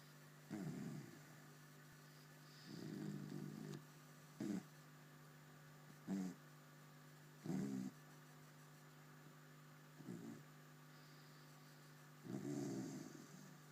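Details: Someone sleeping soundly and snoring: soft, irregular snorting and rumbling breath sounds every one to two seconds over a steady electrical hum, light snoring.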